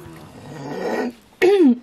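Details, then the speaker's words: A single abrupt, voiced cough from an adult after a few seconds of quiet room noise; the adult then apologizes for coughing. "Je suis désolée que je tousse."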